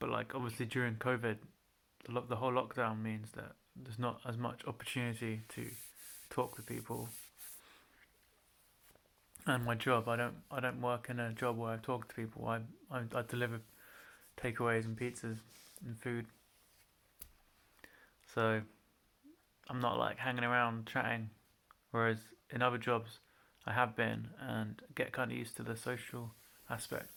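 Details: Adult man with a mild stutter since childhood, worse when nervous, usually pauses before anticipated syllables or repeats syllables if he lets it happen: stuttering.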